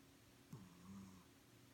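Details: One brief low nasal snore from a sleeping pet cat, with a short click at its start, over quiet room noise; owner describes the cat as snoring really loud.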